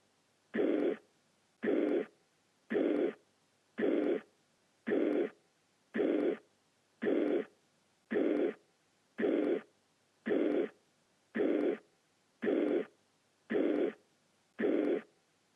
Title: Mitralklappeninsuffizienz - Herzgeräusch - AMBOSS Video